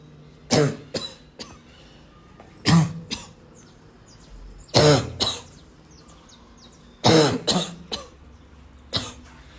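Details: Five harsh, barking coughs at irregular intervals with short rough catches between; barking cough with wheeze.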